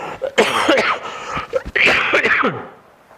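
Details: Adult man with throat inflammation: short fit of harsh, rough coughs with throat clearing in between.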